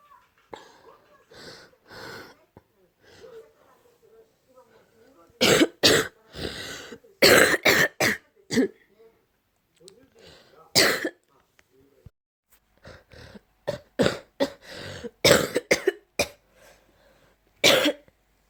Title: A cough with some phlegm in the throat